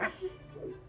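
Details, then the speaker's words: Home fetal Doppler at 19 weeks of pregnancy: brief squeaky, scratchy bursts as the baby moves near the probe, i.e. fetal movement sound. "That noise means it's moving."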